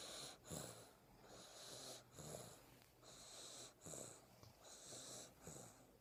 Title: CUTE SNORES